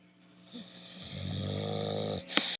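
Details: Sleeping Bulldog snoring: a long, rattling, buzzy snore on a breath, ending with a sharp snort; loud flat-faced dog snoring.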